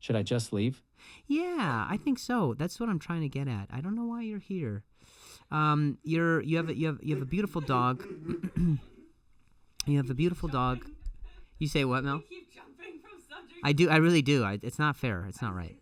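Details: Male comedian who stutters and says it has gotten a lot better over the years; repeated words and phrases; stuttering.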